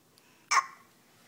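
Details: Young child, getting crabby at nap time, has hiccups before a nap: one brief, abrupt voiced hiccup in a quiet room.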